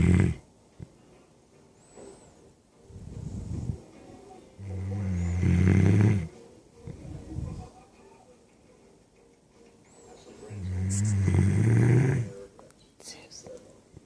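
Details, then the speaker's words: Sleeping puppy snoring like an old man: loud, rattling snores on each breath in, about 11 a minute, with softer breathing sounds between. "Susie's snoring. Sounds like an old man."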